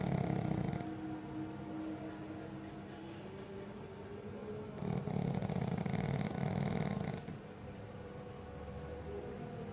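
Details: Someone sleeping, low rough rumbling sounds with breathing, partly masked by room noise: snoring.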